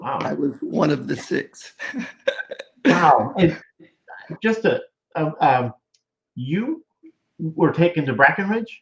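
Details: Male stroke survivor with aphasia after a severe stroke, over a decade of rehabilitation; aphasia.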